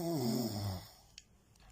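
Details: One low, buzzing, tonal snore dropping in pitch over almost a second, then quiet with a couple of faint clicks; snoring.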